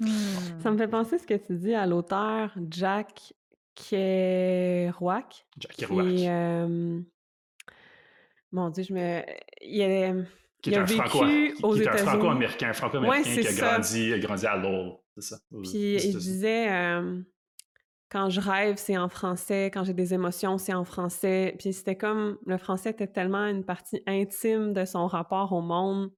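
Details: Stuttering in an adult woman who is a doctoral candidate, speaking French.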